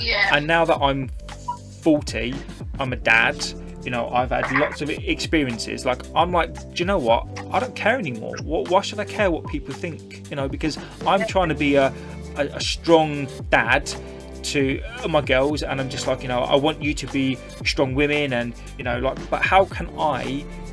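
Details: 40-year-old man with a stammer for about 30 years, real, in a podcast; he says his fluency varies with the situation and with tiredness: stuttering.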